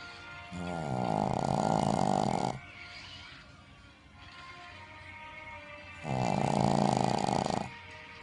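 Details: Shih Tzu dog sleeping: two loud, rattling, fluttering inspiratory snores, about 11 breaths a minute, with faint music in the background: snoring.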